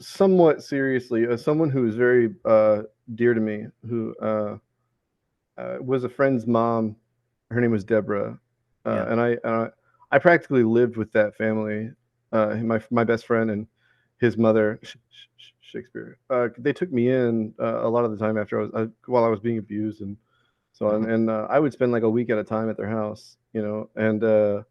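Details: Involuntary vocal tic, a repeated word mid-sentence, in a 34-year-old man with Tourette syndrome and ADHD.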